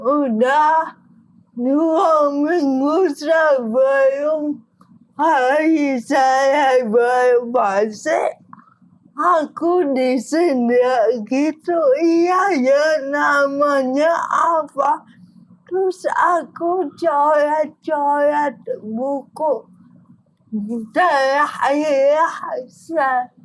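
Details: Dysarthria in an adult woman with cerebral palsy affecting gross and fine motor skills.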